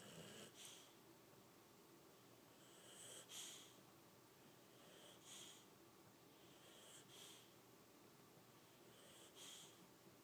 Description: The doodle snoring on the love sac!